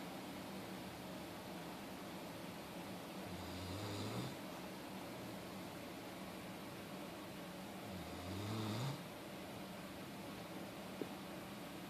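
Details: Female napping: two low snoring breaths about 4 to 5 seconds apart against a steady room hum; snoring.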